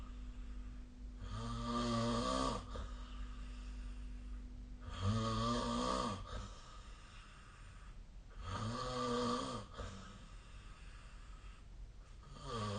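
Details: Snoring in sleep recorded with the SnoreLab app: loud, rattling snores on each breath in, about 17 a minute, against steady background hum.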